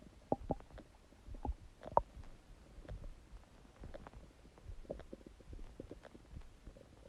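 Irregular low gurgles and pops over several seconds, typical bowel sounds of an active gut.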